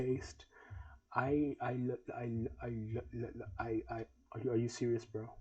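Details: Adult male who has stuttered since 2020, inherited from father and grandfather, worse when anxious or nervous, also talks fast; repeats "I" several times; stuttering.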